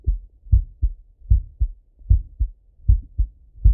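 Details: Heart auscultation of a male lying on his left side: regular paired lub-dub heartbeats at about 77 a minute, crisp with no extra noise between them; normal heart sounds.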